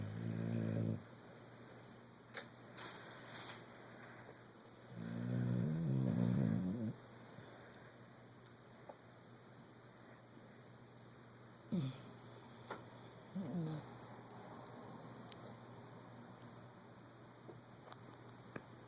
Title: Pepsi the snoring pittie